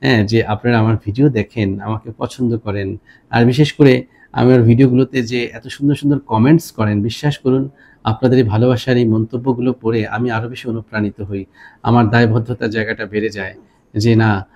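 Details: Adult male speaker; normal voice.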